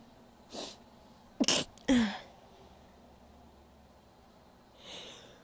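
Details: Female, loud powerful sneezes: a faint inbreath, then a sharp two-part forceful sneeze and a softer exhale afterward in a quiet room.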